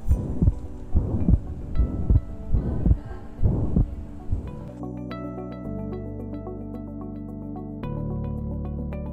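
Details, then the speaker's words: Simulated patient on a skills-lab manikin, auscultated at the mitral area, heart rate about 70 a minute: murmur starting with S1 and merging into S2, filling systole, holosystolic (pansystolic) murmur. "Here the murmur starts with the first heart sound, merges with the second heart sound. We cannot differentiate between S1, S2. It's a holosystolic quality."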